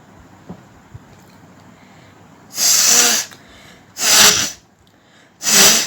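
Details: Three loud, forceful sneezes a second or so apart after a quiet pause, performed deliberately for a sneezing and nose-blowing challenge.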